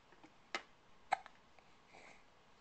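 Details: Hiccups recorded with a Flip Video camcorder: two short, sharp, quiet hiccup catches about half a second apart in a quiet room.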